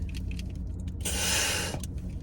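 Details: Metered-dose inhaler puff from an asthma patient using their inhaler before going in for tumor removal.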